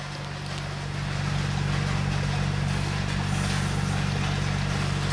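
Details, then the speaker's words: Steady low hum with fan whir and faint regular pulsing from an oxygen concentrator just switched on, its fans audibly running to show the unit is working; first use should run 10–15 minutes before breathing from it. "so now this is the screen that will show the total time that it is being used in ours the oxygen how much it is going okay and that it is working the fans are working can you hear that sound whispers"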